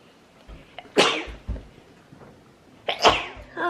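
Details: Two sharp, explosive sneezes with quick breaths before each, in a quiet room, from a person who felt a sneeze coming; ordinary sneeze.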